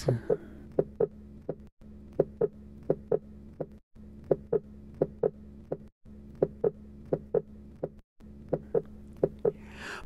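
Simulated heartbeats come in close pairs, each pair followed by a longer pause, over a steady hum; this paired rhythm is pulsus bigeminus.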